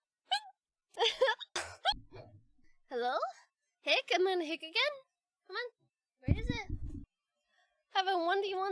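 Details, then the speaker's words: Hiccups from a young-sounding high voice during a livestream: short, sharp voiced "hic" sounds interrupting brief bits of speech. "the hiccups have I actually done it did I did did my trick actually work after the like fifth try"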